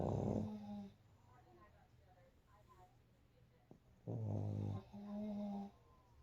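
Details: Two pugs napping: loud rattling snores with a throaty buzz on each breath, separated by quieter breathing; snoring from flat-faced dogs.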